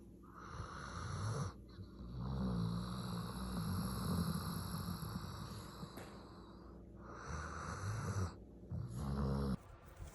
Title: Luca snores so much, do you think he snore more than you? #youtubeshorts #doberman #snoring #funny